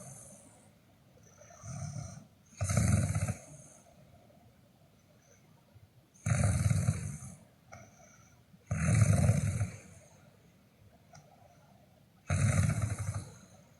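Loud, low rattling snores on several breaths, about 10 a minute, with quiet pauses between them: snoring.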